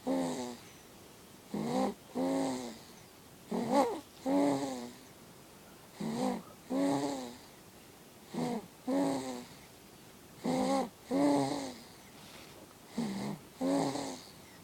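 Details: Snoring in a sleeping baby girl: soft, humming, voiced noises in paired bursts, about 25 breaths a minute.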